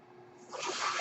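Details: Speaker's own mechanical ventilator heard while the user talks during a podcast recording: quiet at first, then a rising airy hiss as air is pushed to deliver a breath; a mechanical ventilator breath cycle.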